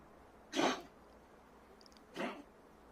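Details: Two short, dry, hacking coughs about a second and a half apart from a pet cat in a quiet room; the cough is returning, attributed to multiplying worms, and the owner fears for its heart.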